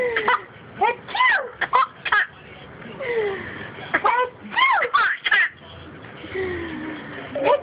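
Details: Baby laughing at a parent's sneezing: bursts of high infant squeals and giggles with rising and falling pitch over soft room noise; infant laughter.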